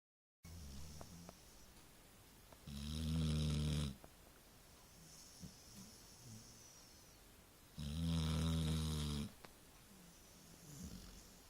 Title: Snoring Labrador